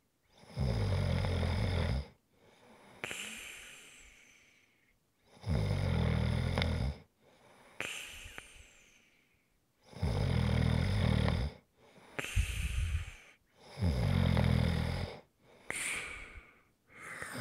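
Rhythmic loud snores on each in-breath, followed by hissing out-breaths, about 13 breaths a minute; steady snoring.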